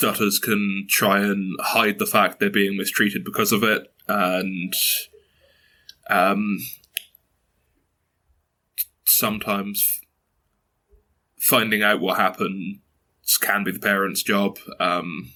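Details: 22-year-old man who has stuttered since early childhood, mother also stutters, reports blocks and repetitions; stuttering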